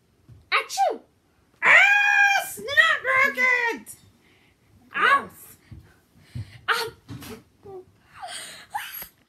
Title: sneezing